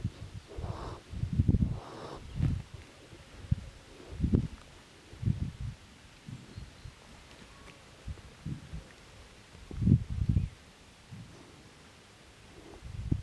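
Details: Resting foal (young horse) on a ranch snoring: soft, low, rumbling snoring breaths, about eight to ten in the span, with outdoor background noise; snoring.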